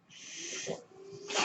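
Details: Mechanical ventilator that a podcaster says is his own, audible during his recording: a rushing hiss of airflow, a brief pause, then another hiss as breaths are delivered, mechanical ventilator noise.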